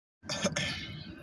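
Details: Adult coughing, who attributes it to a rotten-egg-smelling spray from a plane overhead: brief, harsh cough of one or two quick bursts after a moment of silence.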